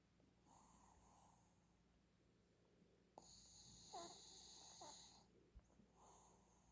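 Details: Shih Tzu dog snoring: quiet, whistling breaths with a louder, wheezy, snorting snore in the middle; snoring in a small short-nosed dog.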